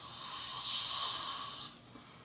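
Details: A single drawn-out, hissing breath with a whistly edge, fading off, from an adult man deeply asleep after about 20 minutes of a roommate trying to wake him, with a flashlight in his face; snoring.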